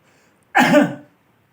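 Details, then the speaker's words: Role-play of nurse-taught effective coughing in a breathless male patient with cough, after warm water and 5 minutes of chest vibration: one forceful, fairly long cough with pressure to clear sputum. "Selanjutnya sudah Pak, ini silakan nanti batuk diberi tekanan ya Pak."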